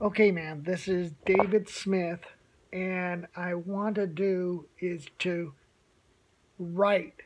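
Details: Adult man with aphasia about one year after onset, speech improved but still difficult; aphasia.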